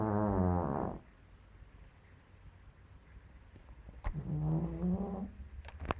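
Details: Two loud, deep, rumbling snores about a second long with a quiet gap, from a sleeping cat; snoring.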